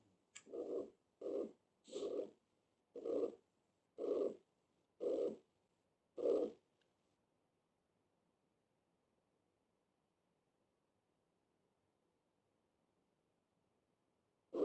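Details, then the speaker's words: A systolic murmur of mitral regurgitation: regular blowing whooshes filling each beat at about 65 a minute. "por eso este soplo es histórico para por la insuficiencia mitral muy bien"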